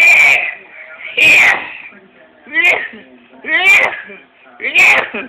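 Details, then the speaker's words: An infant boy laughing, talking and coughing gives five short, voiced, harsh bursts about a second apart, mixing coughs with vocal sounds; the adult jokes it sounds like an old smoker's cough; repeated cough. "Daddy we recording this old smokers Co you sound like you been smoking for 30 years"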